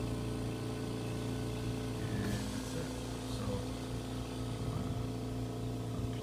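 Steady low motor hum with a constant droning tone and faint clicks, the running compressor of an oxygen concentrator.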